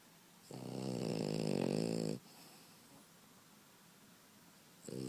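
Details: French Bulldog puppy asleep: a long, loud, vibrating snore lasting under two seconds, then a quiet pause and the start of the next snore; snoring.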